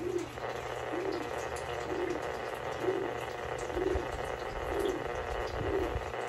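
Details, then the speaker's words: Fetal heartbeat of an unborn snake heard by Doppler on a gravid boa: soft, regular whooshing pulses about 60 a minute over steady Doppler hiss. "the baby's heartbeat right there right there and sometimes you might pick up multiple"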